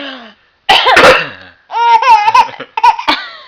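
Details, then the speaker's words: Deliberate, exaggerated adult cough made by a mother to amuse her baby, followed by the baby's bright rhythmic laughter; a playful imitation, not an illness; cough. "Mommy's doing the cough. Mommy's coughing. Mommy's coughing."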